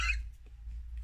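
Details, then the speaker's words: A doctor imitating inspiratory stridor, a pathological breath sound: a brief, harsh, high-pitched gasp on breathing in, as from a narrowed upper airway; simulated, not a real patient. "und ich versuche das mal nach zu machen also ein streber hört sich in etwa so an bei der einatmung"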